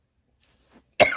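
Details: Near silence, then one abrupt, loud cough from an adult at the end.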